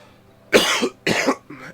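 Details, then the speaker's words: Two harsh, forceful coughs and a softer third from an adult man who is almost better from illness and on medicines but still has a long, irritating cough; lingering irritated cough. "I will feel better if I can cuz um yeah this long cough is very irritated"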